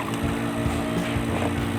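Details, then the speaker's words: Compressor nebulizer, model SESE 0116, running after repair of a unit that had stopped working; it is now running strongly with a steady low mechanical hum and rattle of the compressor motor. "Okay naandar na siya lakas na yung hang do sa ano nebulizer niya"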